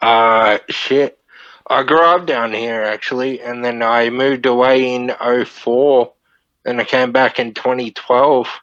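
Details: Dysarthria from Friedreich's ataxia, a neurodegenerative disorder, in a 31-year-old man diagnosed at 14; he reports slurred speech and struggling with words as part of the disorder.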